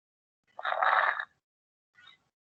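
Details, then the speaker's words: Pulmonology practical: short burst of rough, popping crackle near the end of inspiration, then a fainter brief crackle, likened to rubbing hair by the ear or Velcro opening; inspiratory crackles. "y esto se va a escuchar al final de la inspiración porque trato de abrir el labio lo pero hace un esfuerzo tremendo y suena"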